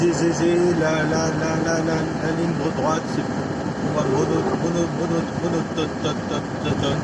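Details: Adult man with stuttering that worsens when he recalls a stressful workplace period around 2004, so words no longer come out; audible repetitions; stuttering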